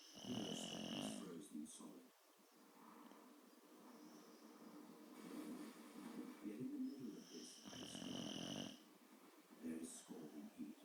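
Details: Boxer dog snoring during sleep: rough, rattling breaths repeating, alternating louder noisy phases with quieter ones.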